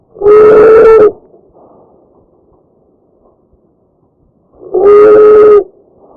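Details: Two loud, high-pitched, musical breath sounds about a second long with quiet gaps; tracheal stridor, a sign of upper airway narrowing.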